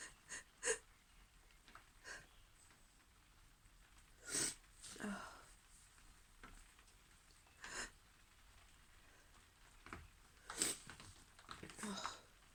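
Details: Series of sharp, hissing sneezes with short breaths between, in a quiet room, from a female after getting caught and wet in the rain; sneezing.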